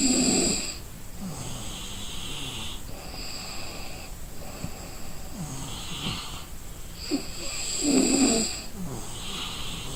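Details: Exhausted person asleep gives rough, rumbling snores on each breath in with quieter exhalations, about ten breaths a minute; snoring.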